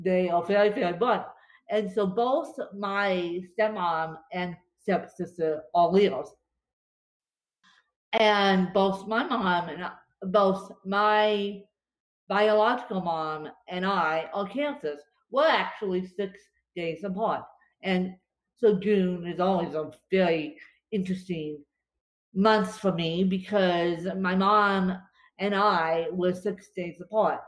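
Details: Dysarthria in a woman with cerebral palsy affecting her limbs and brain; she describes being tongue-tied from her cerebral palsy today, after a bad spasm day.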